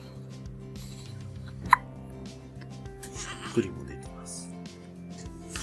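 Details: 3-week-old newborn girl with hiccups, seemingly surprised by her own hiccup, which tends to come when she is in a good mood: two short, sharp hiccups about two seconds apart, soft music behind.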